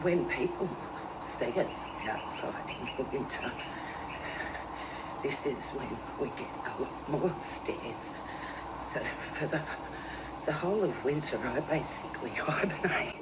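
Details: Adult woman with advanced essential tremor, outdoors in cold weather (about 11°C), which she says sets off her internal and external tremors, making talking harder; voice tremor (essential tremor).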